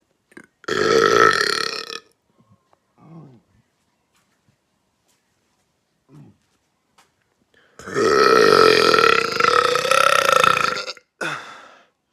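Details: Man burping: two long, loud, rumbling burps separated by a quiet pause, with a few faint sounds between.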